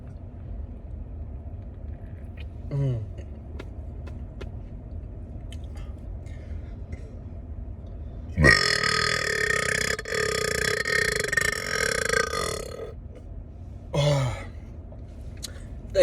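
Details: Burping after drinking a 7 Up Shirley Temple while trying for a loudest-ever burp: one long, loud, rumbling burp lasting about four seconds, then a shorter burp, over steady low background noise.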